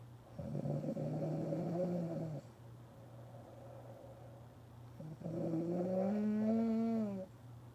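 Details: Adult woman (wife) snoring in sleep after a hard day's work: two long, loud, droning snores with a horn-like whistling tone rising toward the end, separated by a quieter breath; heavy snoring likened to a factory lunchtime horn.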